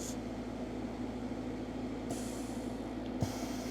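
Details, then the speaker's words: Oxygen concentrator of a 2.0 ATA hard-shell hyperbaric oxygen chamber passing air through nitrogen-absorbing beads: steady hum with airy exhaust hiss bursts about every 5 seconds, showing the concentrator is running properly. "that noise comes from taking the air which is the stituent is 78% nitrogen and 21% oxygen and passing that air to a beads of nitrogen absorbing compound and then expelling it out and hence you hear that sound"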